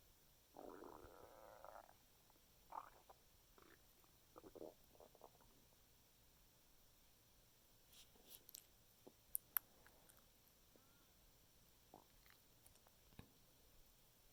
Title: my stomach is making noises after eating a chicken Caesar wrap